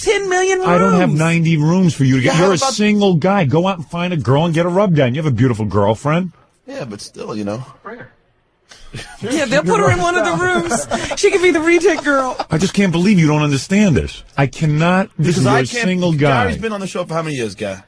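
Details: Adult men in conversation; ordinary conversational speech.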